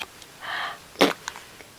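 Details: A soft breathy intake, then one sharp explosive burst and a few small after-sounds in a quiet room; a single sneeze.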